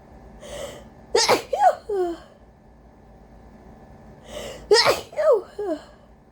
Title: EXTREMELY desperate, EXTREMELY powerful VERY congested, induced cold sneezes (rapid-fire)🤧🤧🤧